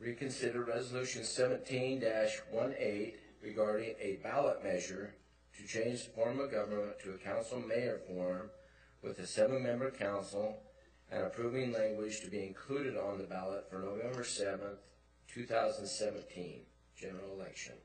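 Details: Adult man reading aloud; Normal voice.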